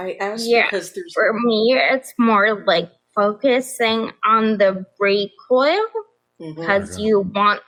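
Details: Adult woman with progressive ataxia of still-undiagnosed type despite many genetic tests; began at age 26; affects nerves, balance and speech, with nerve pain; mainly a wheelchair user; also severe anxiety and depression; ataxic dysarthria.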